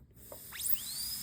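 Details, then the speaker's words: Rising high-pitched whine of a dental high-speed handpiece with burr, run with the foot rheostat and pointed away, with no hiss of escaping air, showing correct assembly. "make sure that the actual burr runs. It'll sound just like that. No air is escaping."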